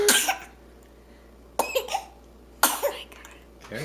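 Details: Young child talking and coughing: three short, sharp coughs in about four seconds, each followed by a brief voiced sound; an ordinary cough.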